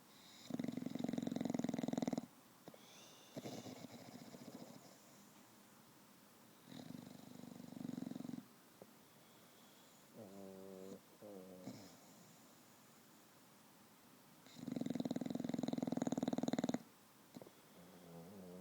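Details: A bulldog sleeping after an afternoon at the dog park gives loud, rattling snores with softer whistling nasal sounds between breaths; snores daily, louder when tired: snoring.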